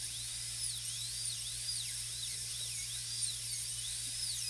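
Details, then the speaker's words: High-speed dental handpiece reducing the B-plane of a maxillary premolar for a PFM crown preparation on a typodont model, aiming for about 1.5 mm clearance; high whine repeatedly dipping and recovering over a low electrical hum. "Now the B-plane we're going to reduce. We've already got almost a millimeter of clearance on this B-plane."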